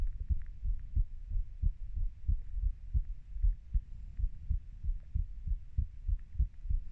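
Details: Steady low paired thumps, roughly 95 beats a minute, with faint background hum, recorded as a person's own heartbeat ("30 year"); a regular heartbeat.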